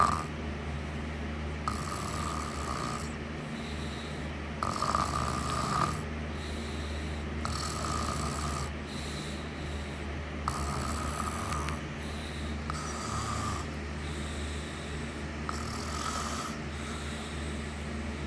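Repeated soft snoring and snorting breaths, in and out, about 14 cycles a minute, over constant low background noise.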